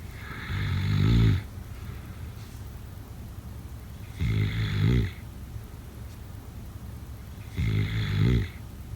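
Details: Loud, rough low-pitched snores, three in nine seconds (about 18 a minute), with quiet pauses between; snoring during sleep.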